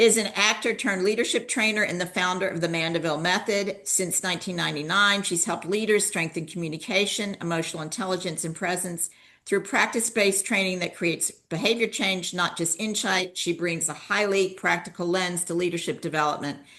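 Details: Adult woman speaking; normal speech.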